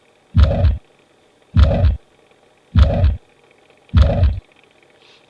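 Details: Paediatric cardiology teaching example of a systolic murmur from mitral regurgitation: slow heartbeat about 50/min, each beat carrying a long, low rushing murmur.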